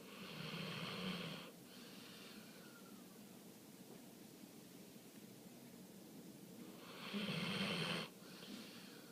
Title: MY DOG IS SNORING